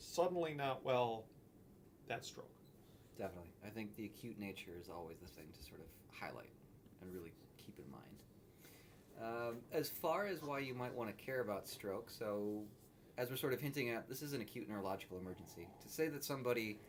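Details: Adult man speaking; normal speech.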